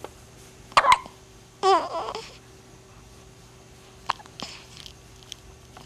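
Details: Infant with sharp, brief catches of breath recurring at irregular intervals, mixed with soft baby vocal sounds against quiet room noise; infant hiccups.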